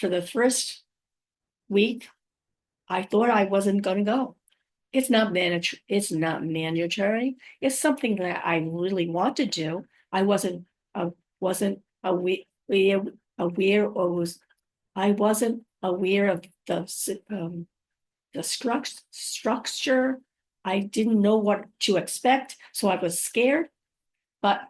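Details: Woman five years after a stroke who says she has aphasia, apraxia of speech and dysarthria, and that her speech can sometimes be hard to understand. Aphasia with apraxia of speech and dysarthria.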